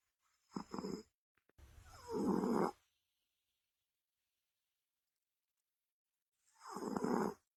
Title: Funniest cat 😂 Mommy says i snore like an old man 😂😂